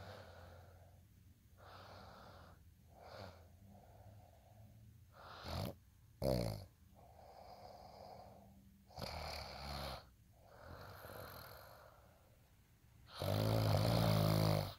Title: day in life snoring asmr sound 230